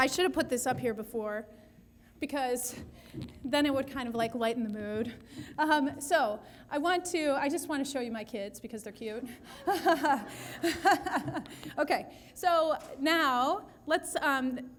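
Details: Adult woman speaking; typical voice.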